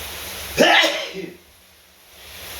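One sudden explosive burst with a voiced tail fading out, heard in a small echoing room; a single sneeze.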